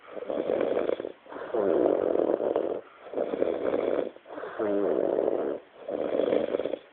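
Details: A friend snores after a Christmas night out, with snores described as sounding like farts.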